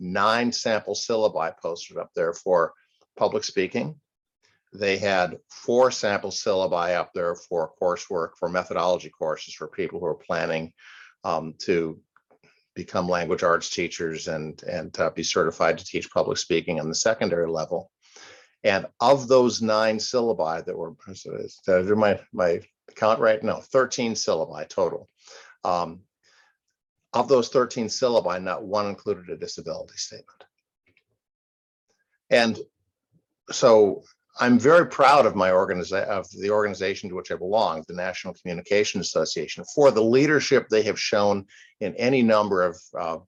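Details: Adult man speaking; typical speech.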